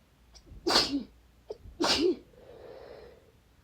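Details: Sneezing of unknown cause, after the nose was tingling badly: two forceful, wet, desperate sneezes, each with a short breath in before it, then a sniffle and a bit of dry coughing.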